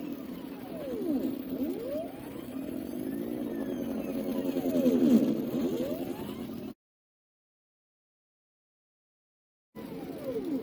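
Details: Homemade low-cost ventilator for COVID-19 patients, also usable as a CPR machine: a motor whine rises and falls in repeated cycles as it squeezes a manual resuscitation bag, with tidal volume about half a liter and an I:E ratio programmable from 1:1 to 1:4.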